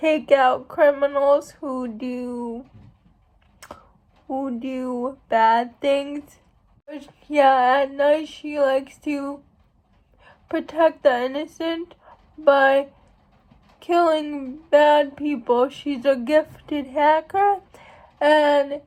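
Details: Female speaker who states she has cerebral palsy, real condition; speech in cerebral palsy.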